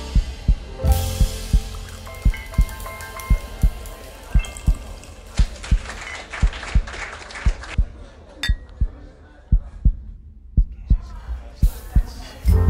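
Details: Regular low heartbeat thumps at about 57 per minute, playing quietly under soft ambient piano sleep and meditation music: steady heartbeat.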